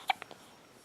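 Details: Infant hiccups while lying on the tummy lifting the head and nearly rolling over: a short sharp hiccup followed by two fainter catches.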